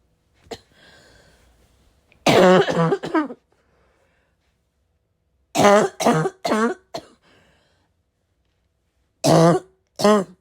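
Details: Heavy barking smoker-type cough: loud, harsh barking coughs in clusters of two to four with a throat clear and a sniff between; person unsure whether it comes from vaping or from getting sick.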